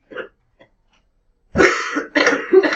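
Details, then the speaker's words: Harsh, wet-sounding two-burst cough, muffled as the student covers it, after a faint breath, in a middle school classroom; the teacher says it sounds bad. "Like, I appreciate that you're covering your cough, but that sounds bad."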